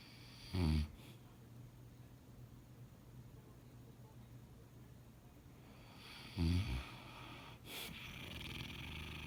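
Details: Two low rattling snores about six seconds apart, with a breathy exhale between, from a deeply sleeping adult man in a quiet room; ordinary snoring.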